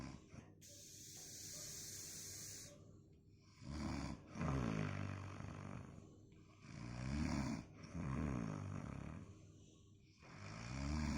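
Loud, rattling inspiratory snores recur roughly every three seconds, with quieter breathing between; typical snoring.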